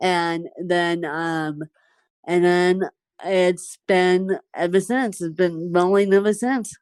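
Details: Dysarthria in a woman with cerebral palsy since birth, speaking in conversation.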